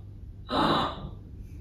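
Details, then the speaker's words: An adult imitates a single harsh, noisy inspiratory breath: the stridor heard in children with croup (laryngotracheobronchitis), along with a hoarse voice and barky cough. "the child develops hoarseness of voice and sometimes develops noisy breathing from the airway which is known as strider striker is a is a harsh sound something like this"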